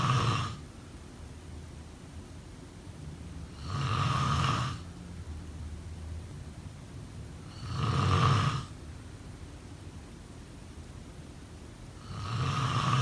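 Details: Snoring during sleep: three rough, rattling snores on the in-breath, about 14 a minute, with quiet pauses between; ordinary snoring.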